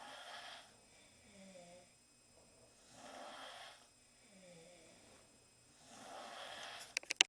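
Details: Four girls snoring in the same room after a long night at centrifuge; soft airy breathing, about 20 breaths a minute, with a faint whistling snore roughly every three seconds; snoring.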